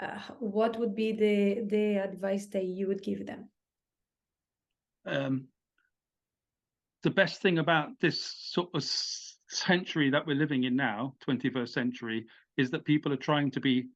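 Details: Adult British man, stammering with blocks, had speech therapy, says the stammer can come in when addressing an audience; stuttering.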